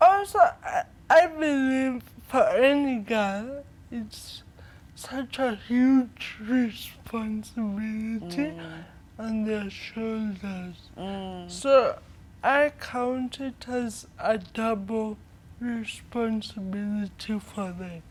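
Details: 25-year-old woman with cerebral palsy from brain damage due to lack of oxygen at birth during her mother's prolonged labour, affecting leg and hand movement, coordination and speech; dysarthria (cerebral palsy).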